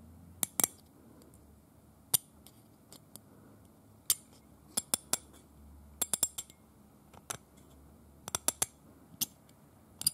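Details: Simulated dental scaling on a teeth model rather than real teeth, described as aggressive scraping of paint: sharp metallic scrapes and clicks at irregular intervals from a hand scaler.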